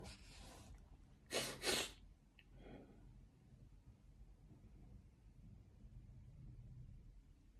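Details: Sneezes set off by a COVID nasal swab test: a soft hissing intake, then two quick, sharp bursts of air with a faint trailing breath.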